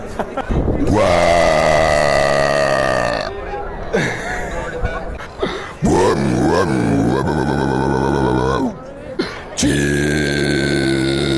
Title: burping pro